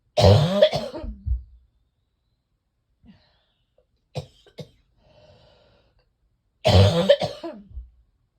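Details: Two long bouts of harsh, deep, wet-sounding coughing separated by near silence, from someone whose chest feels like cement with congestion not yet breaking up; chest congestion cough.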